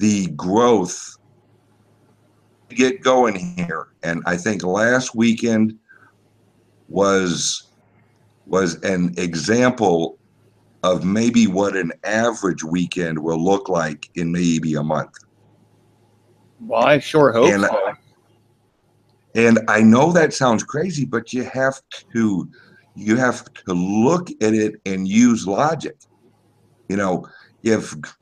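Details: Self-reported speech impediment of unspecified type in a man; speech impediment.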